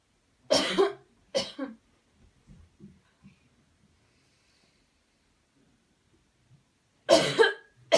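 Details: Deliberate airway-clearing cough technique after guided counted deep breathing: two forceful coughs, a few soft breathy sounds, a pause, then two more strong coughs.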